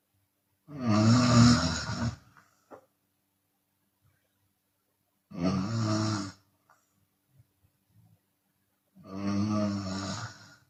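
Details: Loud, harsh open-mouth snores from a sleeping Chinese woman on each breath, about every four seconds, with quiet pauses between; exhale snoring occurs sometimes.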